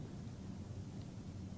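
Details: Normal transmitted voice sounds, no egophony: posterior thorax auscultated with stethoscope diaphragm while the patient says a sustained 'ee', heard as a muffled low hum through the chest wall.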